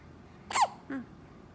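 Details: Two abrupt hiccups in a quiet room: a sharp squeaky catch, then a softer, shorter one; hiccups.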